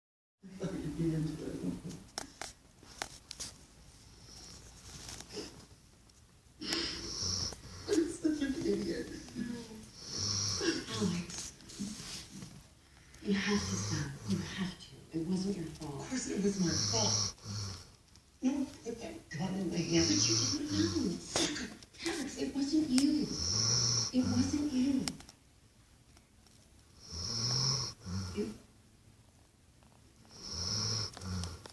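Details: Sleeping animal snoring: rhythmic, snorty, whistling breaths about every three seconds.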